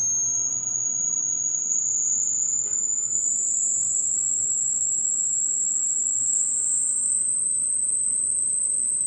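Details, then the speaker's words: A steady, very high-pitched whistle tone rising slowly in frequency over background hiss, played as a self-test where the listener stops when they no longer hear it; high-frequency hearing test tone for age-related hearing loss. "When you stop hearing the noise, stop the video. That is the age of your ears."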